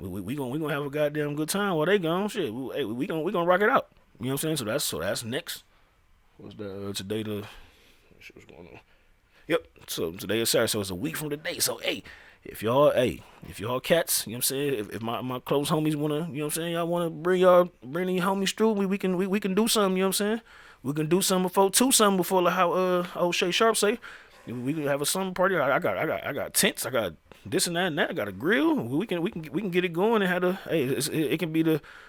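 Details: Adult male who says he stutters; real speech with repeated phrases; finding: stuttering.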